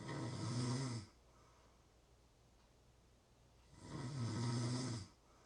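Two loud, low rattling snores on inhalation separated by a quiet pause: ordinary snoring.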